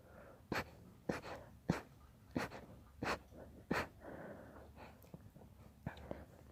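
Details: A run of about six small, sharp, soft sneezes in quick succession with faint breathing between; repeated mild sneezing.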